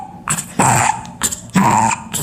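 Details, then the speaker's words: Young child with croup who is happy and vigorous: harsh, high-pitched crowing on two breaths in and quieter breaths out. The sound is worse on inspiration and when agitated. Inspiratory stridor. "This kid has croup. Okay, that kid has croup. Worse during one of the phases of breathing, worse when he's agitated."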